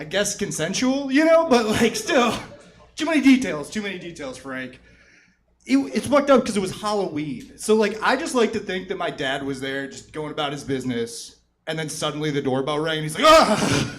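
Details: Adult comedian performing stand-up; no speech disorder.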